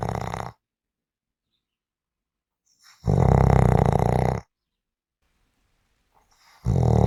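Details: Loud, deep, rattling snores on each in-breath, separated by silent pauses of a couple of seconds; heavy snoring.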